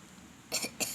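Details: A child gives two short, dry coughs in quick succession after a quiet pause; the mother suspects the cough is from drinking iced drinks.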